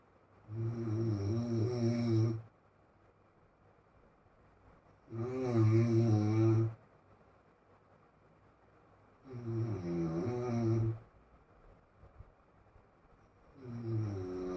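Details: Steady, loud snores, about 14 a minute, each lasting nearly two seconds, with silent gaps between; regular snoring during sleep.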